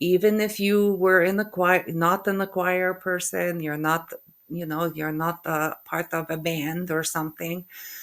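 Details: Woman with aphasia after a stroke, also with functional neurological disorder; halting speech with hesitation between words, word-finding difficulty (anomia) and stuttering; aphasia.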